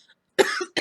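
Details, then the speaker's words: Adult woman with a cold that turned into bronchitis (recurrent in past years) gives a single harsh, noisy cough burst with the start of a second; bronchitis cough. "so yeah it's just a cold that turned into bronchitis"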